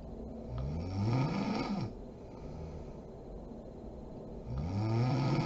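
Low rattling snores on the in-breath, two snoring breaths separated by a quieter exhale; ordinary snoring during sleep.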